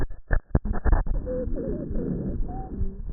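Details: Patient in the emergency room with severe respiratory distress from asthma-related bronchospasm, with intercostal and suprasternal retractions; actual auscultation sounds of wheezing.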